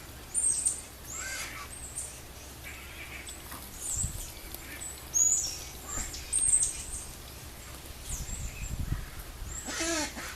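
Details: Adult female mallard nesting in possibly moldy leaves gives several short, sharp, raspy coughs over faint outdoor bird calls, for two days but not while on the nest; owner suspects aspergillosis or something stuck in her throat.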